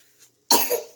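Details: Baby boy with a little cough, treated with honey and garlic, gives a single short, breathy cough after a brief quiet breath; cough.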